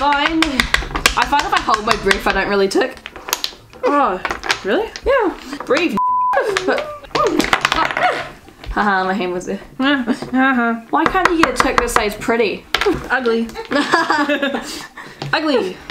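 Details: Real Tourette syndrome in a patient on a Tourette's channel, with repeated 'excuse me' vocal tic phrases and coprolalia-like outbursts; finding: vocal tics (Tourette syndrome).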